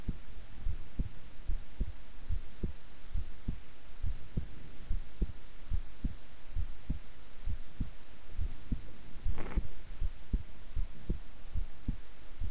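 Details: Own heartbeat recorded at length while keeping still and relaxed: regular lub-dub at about 70 beats a minute under constant hiss and hum; normal resting heart sounds.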